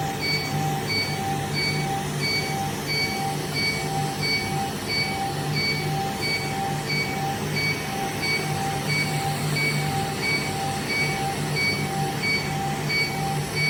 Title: Laser Hair Removal | HRL | Laser Treatment | لیزر ہئیر ٹریٹمنٹ